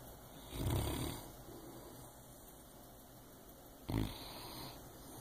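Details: Two low, rumbling snores about three seconds apart, each rising and fading with breathing, over steady quiet room hiss.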